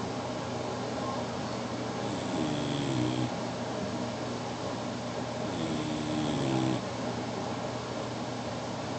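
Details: Sleeping English Bulldog snoring: two slow, low, snuffling snore breaths about four seconds apart over steady room noise.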